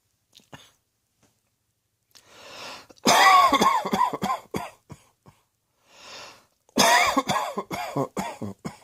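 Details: Two bouts of repeated harsh, voiced coughs with breaths between them from an adult; acted coughing.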